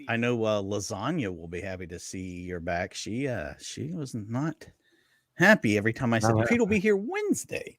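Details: Adult man; Ordinary speech.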